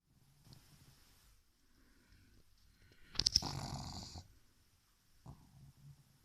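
Quiet snuffling breaths, then a loud rattling, snorting snore from a flat-faced dog, followed by softer snuffles; snoring.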